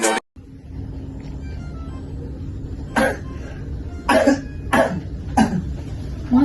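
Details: A child gives a simulated run of about five short, forced coughs for a school cough-medicine advertisement assignment, over a steady background hum and faint music.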